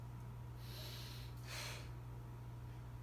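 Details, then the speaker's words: Clinical skills demonstration of respiratory auscultation on a subject's back, at the percussion sites, during a deep breath in and out; soft smooth airflow without wheeze or crackles: normal breath sounds. "more deep breath perfect with breathing sounded perfectly fine and the subject is complete"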